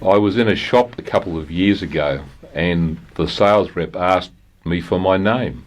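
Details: Adult from New South Wales, Australia, who stutters, describing real experiences with stuttering: stuttering.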